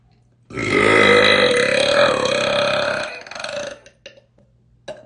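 One loud, drawn-out burp lasting about three seconds, then a few short throat sounds; a prolonged belch.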